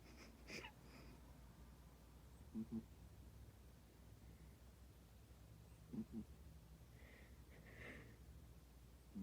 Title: (Turn volume up) Cat snores like a car horn